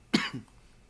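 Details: A single harsh cough followed by a softer second burst from an unwell adult who is struggling with coughing while talking.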